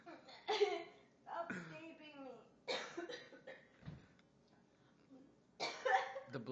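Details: Repeated forceful, wet-edged coughs with throat clearing from a woman who laughed while eating and choked as food went down the wrong way: choking cough after aspiration.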